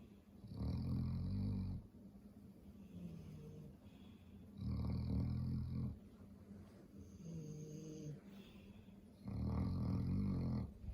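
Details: Sleeping dog resting after eating: three loud, rumbling snores about 14 a minute, each followed by a softer whistling breath; ordinary snoring.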